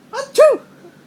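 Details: Baby laughs as father gives one short, loud, abrupt voiced sneeze in a quiet room; a single sneeze.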